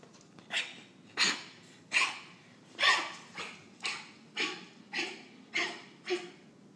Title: Coughing